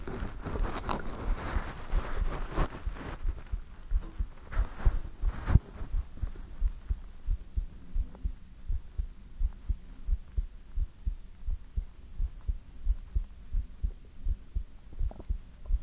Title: ASMR - You can't Beat it ❤|Heartbeat